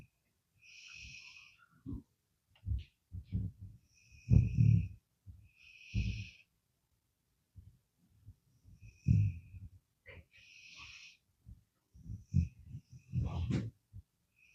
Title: I caught my dog snoring LOL🤣